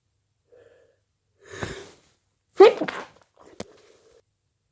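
Short hissing bursts and a sharp explosive release with brief wet noise, a sneeze with stifled bursts.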